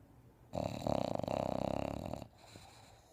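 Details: A sleeping bulldog gives a loud, rattling, fluttering snore filling about two seconds of a single breath, with quiet room noise before and after: snoring.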